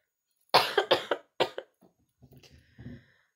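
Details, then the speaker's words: Four loose, harsh coughs in a quick run, then quieter throat sounds, from someone still very sick and recovering, with a hoarse voice and blocked nose: cough during a respiratory illness. "everyone in Cheyenne and as you can guess from the sound of my voice I'm still super sick so this is actually better than it was a couple days ago"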